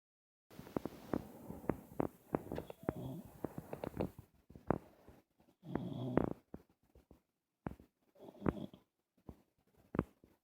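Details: Man with sleep apnea snoring.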